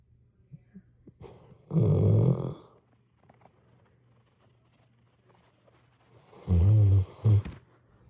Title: snore snores